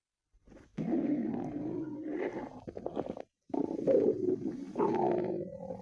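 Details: Low, drawn-out gurgling rumbles in two long bursts with a brief pause; stomach growling (borborygmi) from gut movement.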